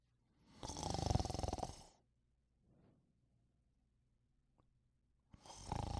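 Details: Loud, fluttering, rattly snoring breaths in during sleep, about one every five seconds, with quiet pauses between.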